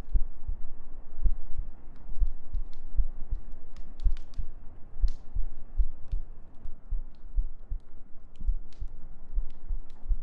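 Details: Normal heartbeat sounds in an ASMR sleep-aid recording with gentle breathing and humming.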